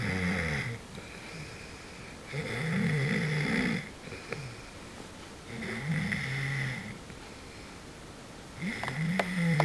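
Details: Loud, rumbling snores about every three seconds from a sleeping person in a quiet room, with quieter breathing between them.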